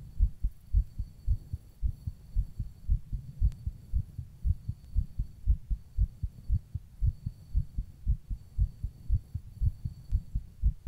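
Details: Own heartbeat recorded while rebreathing into a plastic bag: strong, steady low thumps at about 115 beats a minute, a fast heartbeat.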